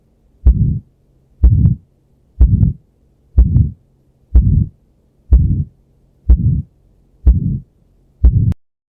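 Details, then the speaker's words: Aortic stenosis systolic ejection murmur: regular heartbeat near 62 per minute, each beat followed by a harsh, rasping crescendo-decrescendo murmur peaking in mid-systole, best heard with the patient sitting and leaning forward. "rapeux et un forme qui est dans le l'enregistrement phonocardiogravé l'osong c'est-à-dire all est rapidement croissant jusqu'au le maximum dans le mocystole puis rapidement décroissant c'estàdire crissinau décrissen"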